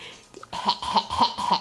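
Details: Short run of four small, rhythmic coughs from a baby girl playing with her grandmother, over a steady background hum.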